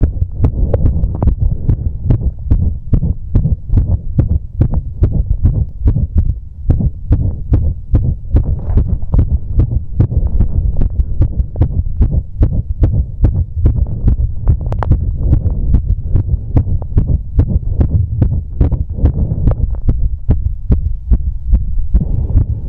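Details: Heartbeat recorded after exercise, with a visible apex beat: rapid, low heart thumps with an uneven rhythm, an irregular heartbeat.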